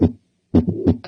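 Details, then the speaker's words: Systolic ejection murmur: heart sounds with a soft whooshing murmur filling the gap between S1 and S2; teaching recording contrasted with a diastolic murmur. "okay so this first sound you're going to hear is a systolic ejection murmur meaning it occurs between s1 and s2"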